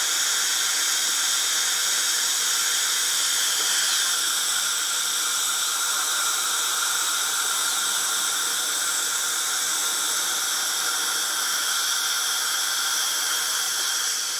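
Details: Dental drill running: continuous high-pitched whining and hissing, steady throughout.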